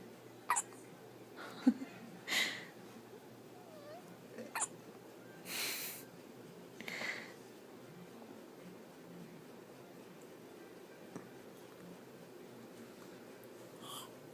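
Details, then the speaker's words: Baby girl with hiccups: several brief, sharp little catches a second or two apart, then a soft yawn-like breath, against quiet room noise; infant hiccups. "Poor baby got the hiccups."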